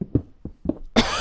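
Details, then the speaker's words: Adult coughing and sniffling while talking, with growing congestion that started during the recording; a few short, soft, low-pitched cough bursts, then loud hissing background noise. "You can hear I'm like coughing and sniffling now, and I was not doing that before this."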